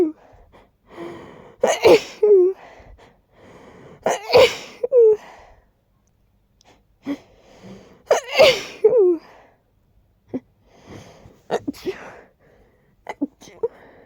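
Three full sneezes, each after a gasping build-up of breaths, with softer breathing and sniffing between them.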